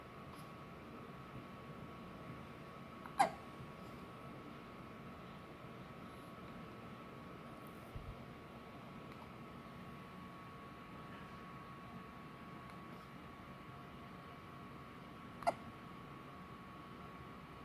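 Two brief, sharp hiccup sounds about twelve seconds apart from an infant, over steady room hum.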